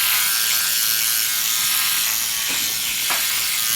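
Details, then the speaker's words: A motorized microneedling pen used lightly on the face right after CO2 laser ablation for acne scars, to make light channels with pinpoint bleeding before PRP is pressed in: continuous high-pitched buzzing whir. "too deep with the micro needling because we've already created i just want to create some light channels so pinpoint bleeding you guys will see that come up"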